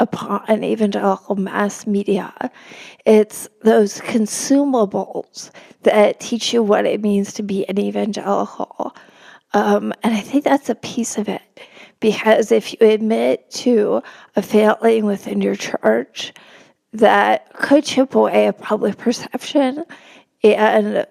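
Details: Adult woman with spasmodic dysphonia, real, speaking in a podcast interview; she notes it makes her sound nervous though she is not; spasmodic dysphonia.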